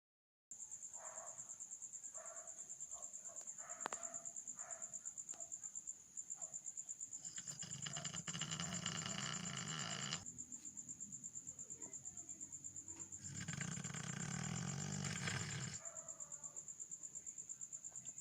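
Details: A dog snoring loudly: two long, rough, rumbling snores about six seconds apart over steady insect or bird chirping.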